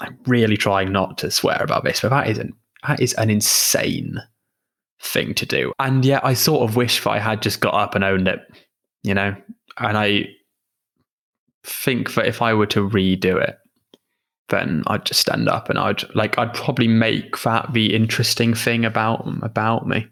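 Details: Adult female who stammers; stammering.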